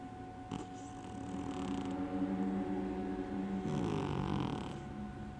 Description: omg....fat cat's snoring......it is quite loud:)